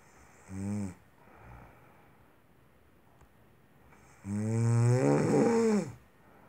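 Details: A woman snoring during sleep: a short snore, a soft breath, then a long, loud, vibrating snore on breathing in.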